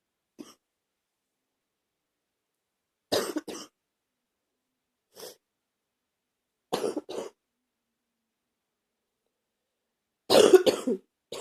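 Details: Adult with a bad cold: repeated short, harsh coughs, several in pairs, separated by quiet pauses; acute cough.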